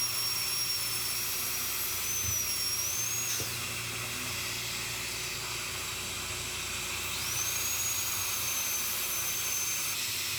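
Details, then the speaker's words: Crown preparation under a dental microscope on an endodontically treated upper left first molar with a mesial crack: continuous shrill whine of a high-speed dental drill, pitch dipping and rising, over suction hiss, cutting the lingual side. "Okay, so again, a lot of this is just side-to-side movement and then changing the position of the mirror that gives you the full view of that upper molar. So let's do the lingual now."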